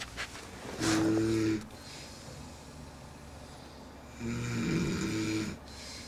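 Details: Two loud, buzzing snores on the in-breaths with quiet gaps between, from a Greek boy who claims he doesn't snore; plain snoring.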